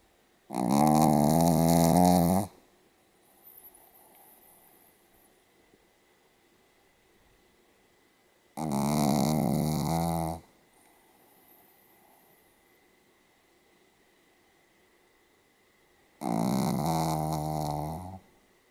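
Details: A Pomeranian dog snoring very heavily: loud, rattling snores about two seconds long, roughly every eight seconds, with faint room noise between.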